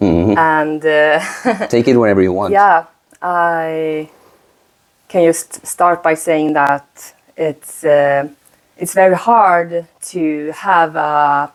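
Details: Woman, 36, who stutters; she says her stutter shows more under stress and she uses a speaking technique; repetitions audible; stuttering.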